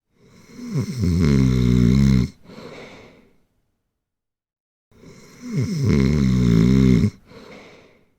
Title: Snore. Snoring. Sound snoring. Prank over friends